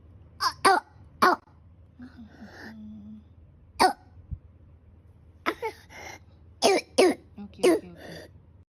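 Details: Child's distinctive barking cough of croup, a respiratory condition usually caused by viral infection.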